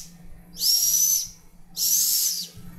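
Two hollow, whistling blows across a bottle imitate amphoric breathing, the sound of a large cavity opening into a bronchus.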